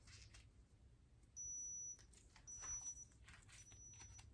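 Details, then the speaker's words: Three short high-pitched electronic beeps over soft rustling; digital thermometer reading 98 during a simulated ASMR annual checkup. "So, I'm going to go ahead and get your temperature and then if you'll just hold that there for me, please."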